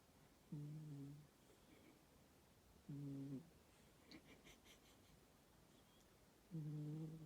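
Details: Tired cat snoring: regular low, humming snores on each breath, roughly 20 a minute, with quiet gaps between them. Snoring.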